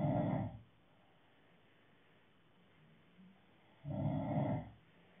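Two loud, low, rattling snores separated by about three seconds of quiet, a slow sleeping breath rhythm with a snore on each breath.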